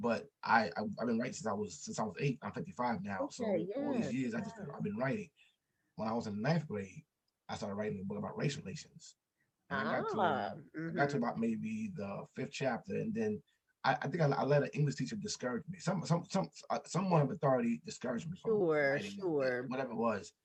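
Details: Adult man who has stuttered since childhood; he describes it as a very serious speech impediment that he still has. Heard in conversational podcast speech. Stuttering.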